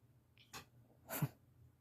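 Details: A 6-month-old male pet ferret gives two tiny, sharp sneezes a fraction of a second apart: ferret sneezing.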